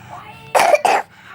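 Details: Two short, sharp coughs from a young child reciting the Quran (ngaji), after soft chanting.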